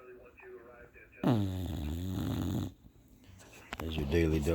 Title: Snoring Bulldog. Lilly's napping